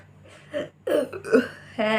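A few short throaty croaking bursts ending in a longer voiced belch; repeated burping.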